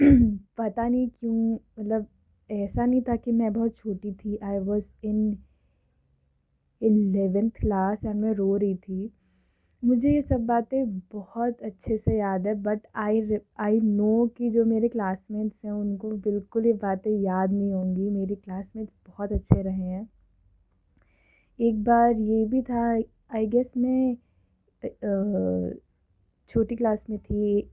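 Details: Adult woman who has stammered since early childhood, speaking Hindi and English; stuttering.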